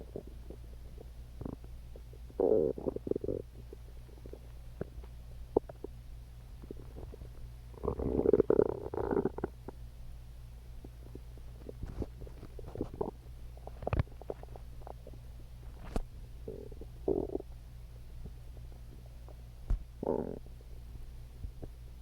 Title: Stomach Growling